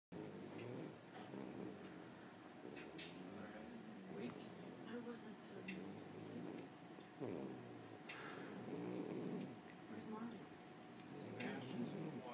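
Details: Low, rumbling snores with soft snorting, repeating with each breath, from a sleeping female; she snores when the owner's head rests on her and stops when it is lifted. Snoring.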